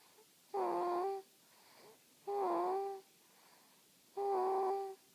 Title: snoring